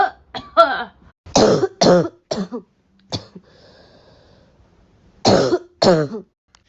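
A run of sharp dry coughs and throat clearing, about eight bursts with a quiet gap in the middle.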